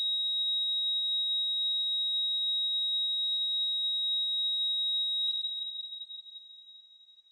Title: Heart rate monitor - sound effect